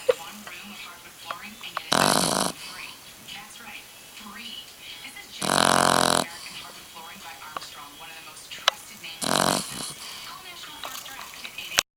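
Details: 3-month-old Boggle puppy snoring like a human while asleep: three loud, rasping snorts a few seconds apart over faint background talk and music.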